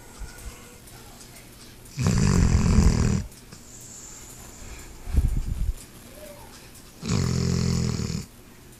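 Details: Dog Laika snoring in sleep: two loud, low, rumbling snores about five seconds apart, with a softer snort between them.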